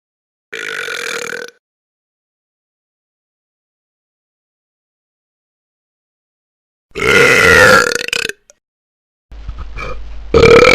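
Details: Strong, slow, drawn-out burps from a funny sound-effect track: deep belches with silent gaps between them.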